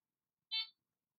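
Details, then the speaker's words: Single short high electronic start beep from a Fresenius Kabi Amika ambulatory enteral feeding pump as feeding starts (tubing connected to the feeding tube, Start pressed); normal operating tone. "Démarrage de la nutrition. Connectez la tubulure à la sonde d'alimentation, puis appuyez sur le bouton Start en bas à gauche."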